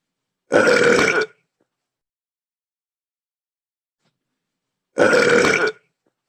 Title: Bye Bye London but the CPU Miis are burping!